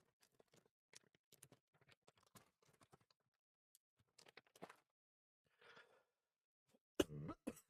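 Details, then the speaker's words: An adult streamer in a bad mood coughs repeatedly while working at the computer, then apologises for all the coughing. "Sorry for all the coughing."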